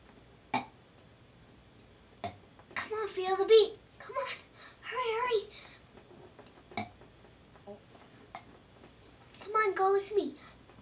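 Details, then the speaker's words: 6-year-old girl deliberately demonstrating how to burp: several short, voiced, belch-like bursts, some stretched and tonal, with pauses between; deliberate burping in a small room. "um this is how you do burps D debie and D Anna you you go like this"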